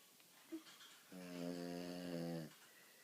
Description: Cute, sleeping frenchy snoring very loudly.